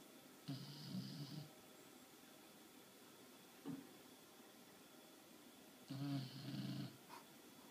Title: Snoring(^^;;